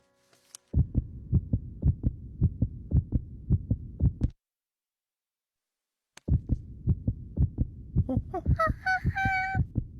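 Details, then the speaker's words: Rapid, regular, low cartoon heartbeat thumps heard through a stethoscope in an animated Curious George doctor scene, ending with brief rising tones. "That's the sound of my heart."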